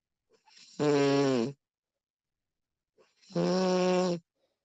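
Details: Snoring recording of a sleeping woman: two clear, buzzing snores on breaths in, separated by quiet pauses; ordinary snoring.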